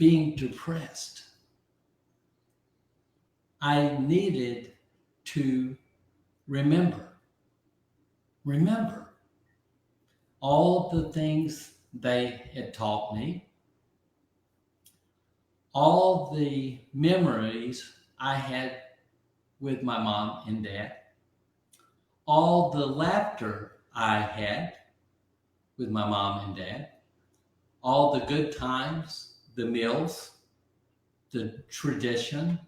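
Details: Aphasia following a stroke about 15 months earlier in an adult man; early on others could not understand him at all, and his vocabulary has since grown by over 20,000 words; aphasia.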